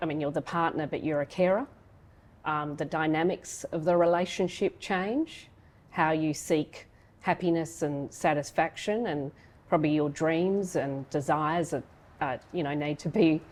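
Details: Adult woman speaking; plain speech.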